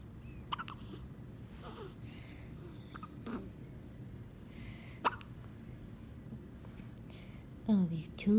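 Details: One-month-old infant with hiccups: soft, brief, sharp catches recurring at irregular intervals against quiet room noise.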